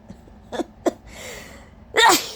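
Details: Induced allergy sneezes with an extremely sensitive nose all day: short catching inhalations build up, then one forceful, explosive, wet sneeze.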